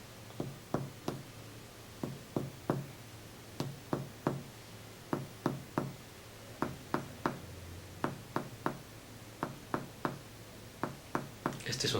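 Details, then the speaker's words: Percussion over the lung during an abdominal exam, moving down toward the liver; the lung note is resonant, called hyperresonant, not tympanic like Traube's space, and later changes to hepatic dullness: resonant lung percussion note. "El sonido del pulmón es un sonido que, les repito, no es timpánico, porque timpánico es aquí, en la cámara de Trauch. Esto es hiperresonante, el pulmón es hiperresonante, escúchenlo."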